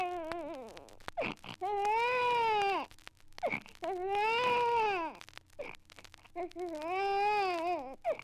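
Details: Archival 78 rpm sound-effects record of an infant's irritated cry: long, strained wails with brief gasping breaths between, roughly two cries every five seconds.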